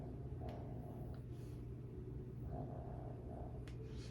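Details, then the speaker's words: Sleeping male Shih Tzu dog in a quiet room makes a low, steady rumbling with a few brief rises: snoring. "I'm sorry, y'all, if y'all hear that snoring in the background. I have a Shih Tzu, it's a boy, and he likes to sleep a lot. So if you hear that, that's what that is."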